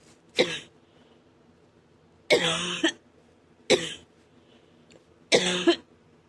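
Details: Four separate coughs, some with a strained, voiced, breaking tail, in a quiet room; the cougher reports the cough hurts the chest and throat; cough.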